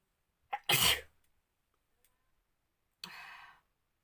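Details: Quick in-breath, then a sharp explosive sneeze and a softer breathy exhale: a deliberately triggered sneeze in a pepper sneezing challenge.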